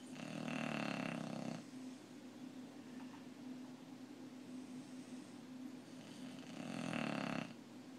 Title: Bulldog Snoring